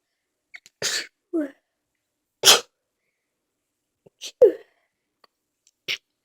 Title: Big sneeze fit....stifles to come